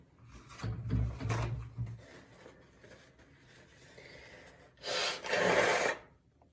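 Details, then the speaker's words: Person finally managing to make themselves sneeze: quiet rubbing and shuffling sounds, then one loud, drawn-out sneeze near the end. "don't make fun of me oh my gosh i finally got myself to sneeze"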